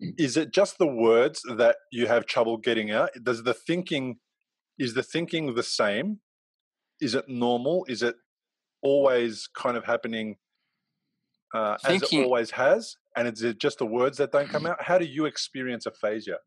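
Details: Adult man speaking; normal speech.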